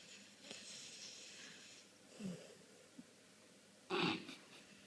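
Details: Dog snoring: soft, rough breathing noises in a quiet room, ending with one louder snorting breath.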